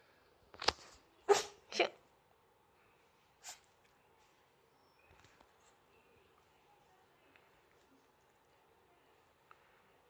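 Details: Chihuahua sneezing: three quick sharp nasal bursts close together, then one more a couple of seconds later, in a quiet room; dog sneezing.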